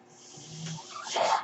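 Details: A rising airy whoosh with a faint low hum, swelling into a louder rush of air, from the speaker's own ventilator: home mechanical ventilator breath cycle.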